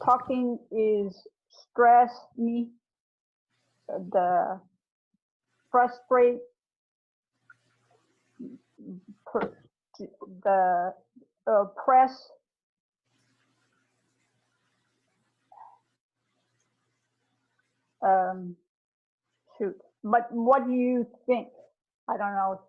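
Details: Adult aphasia group member with aphasia, fragmented speech with word-finding difficulty, struggles to ask how stress affects talking and asks for help; aphasia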